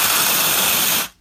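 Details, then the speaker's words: Cryotherapy spray freezing common warts on a male patient, shown close-up: about one second of loud, harsh hissing spray that stops abruptly. "got some common warts here we did a little close-up on these so we're gonna freeze him and well are you ready"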